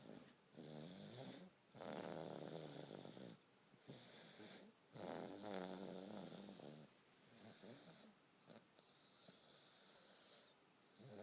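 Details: Baby snoring in winter: soft fluttering snores on inhalation, uneven in strength, with quieter breaths between, in a quiet room.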